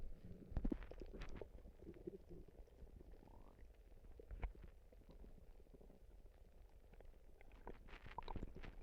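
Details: Stomach noises: soft gurgles and bubbling with a brief rising squeak over low rustling; normal bowel sounds (borborygmi) from gas and fluid moving in the gut.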